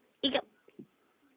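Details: Baby with hiccups in a quiet room: a brief sharp voiced catch followed by two soft small sounds; infant hiccup.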